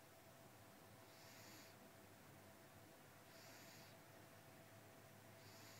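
Quiet, regular hissing snores with each breath, about 27 a minute, over steady low room hum; snoring.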